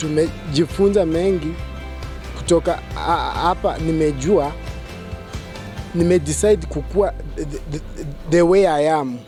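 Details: Man who identifies as a person who stammers, speaking at a stammering support group launch: stammering.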